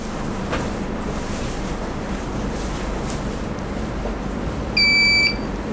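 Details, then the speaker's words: End-of-treatment alarm of an Enraf-Nonius Sonopuls 591 combination therapeutic ultrasound unit when the treatment time runs out, with the orange light on the sound head: a single steady high beep of about half a second over loud room noise. "นี่คือเสียงเตือนเมื่อเวลาหมดนะคะและหัวซาวด์เฮดจะมีไฟสีส้มขึ้น"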